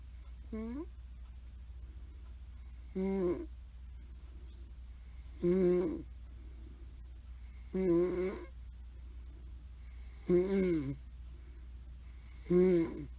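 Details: Grandmother snoring during a hot summer, recorded as background to a hamster video: six rhythmic snores about 2.5 seconds apart, roughly 25 breaths a minute, with steady low room hum.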